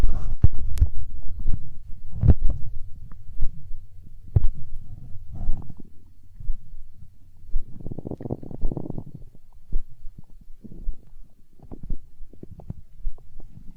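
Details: Stomach growling recorded close up for ASMR: deep, loud rumbling and gurgling with bubbly pops from gas and fluid moving in the gut (borborygmi).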